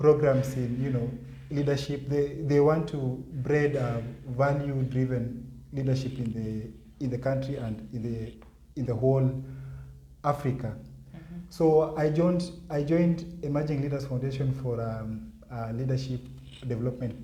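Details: Adult man with stuttering (stammering) that he says was severe in primary school; he has worked to improve his speech impairment; stuttering (stammering).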